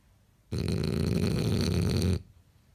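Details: Snoring from a sleeping French bulldog: one long, low, harsh, throaty rumbling snore under two seconds on a breath in.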